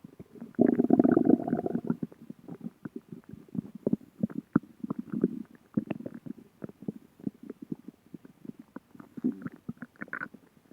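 A loud gurgling rumble, then a long run of irregular bubbling, popping gut sounds; ordinary stomach growling, a normal digestive noise.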